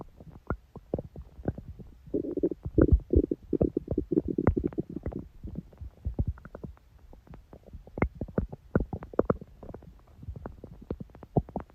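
Bubbling, gurgling and popping gut noises with a brief rumbling stretch; ordinary bowel sounds, a harmless stomach growl.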